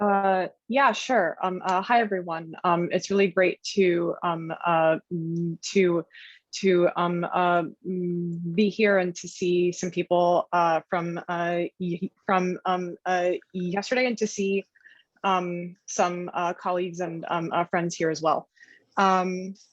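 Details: Adult woman who stutters and reports blocking when introducing herself: stuttering.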